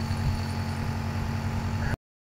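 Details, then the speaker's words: Steady low hum of a nebulizer compressor, then switched off, during home nebulizer treatment of a young girl with a severe cough and chest congestion, to be given four more times daily. "তো এই যে দেখো, গ্যাসটা দিয়ে দিচ্ছি ওকে। তো আরও দিনে আরও 4 বার দিতে হবে, দিলে পরে আরও অনেকটা রিলিফ পাবে ও।"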